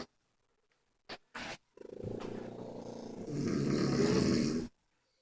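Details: Sleeping pug snoring among several sleepers: short snuffling breaths, then a long rattling snore that grows louder and rougher, with more than one sleeper snoring together; snoring.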